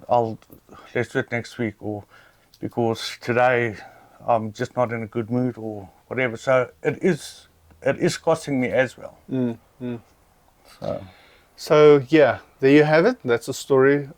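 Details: Adult who stutters, stuttering while ordering at a fast-food drive-through: stuttering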